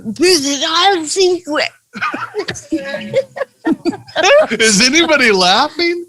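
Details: Adult speaker; typical speech.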